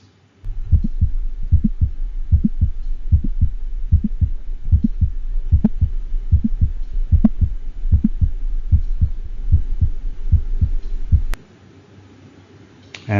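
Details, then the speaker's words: Heart sound simulator at about 75/min with an intermittent mid-systolic click: a sharp snap between the first and second heart sounds that comes and goes. "we'll listen to a mid-systolic click that comes and goes away on the harp sound simulator next"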